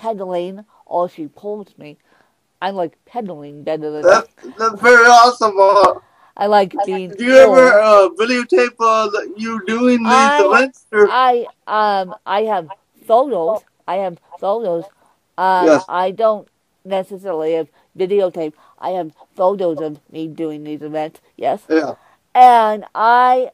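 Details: Mild dysarthria in a woman with cerebral palsy who uses a walker; she says her speech impediment is milder than her interviewer's.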